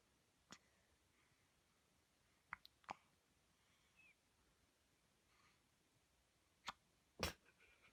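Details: One-week-old baby girl's first bout of hiccups, lying wrapped in a blanket on her mother's chest after a yawn: five brief, sharp, irregularly spaced clicks in a quiet room.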